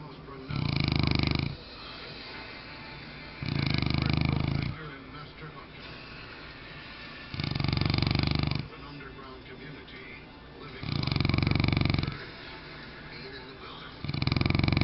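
Loud, low rattling snores about every three to four seconds, roughly 17 a minute, with quieter breathing between; snoring in a sleeping dog.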